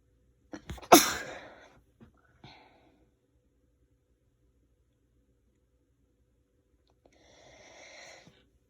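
A stifled sneeze with a sharp burst and trailing breath, a softer sneeze-like sound after, and a later exhale; a suppressed sneeze.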